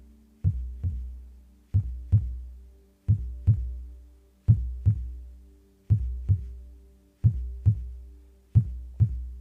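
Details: Slow, regular heartbeat, steady paired lub-dub thumps about 43 per minute over a low continuous hum; no talking, heartbeat sounds only.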